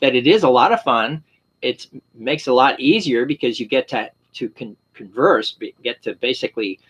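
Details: Adult with aphasia, with word-finding difficulty, mispronounced words and long words trailing off.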